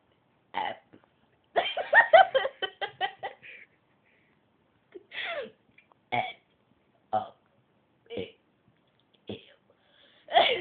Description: My cousin burping / her A B C's (: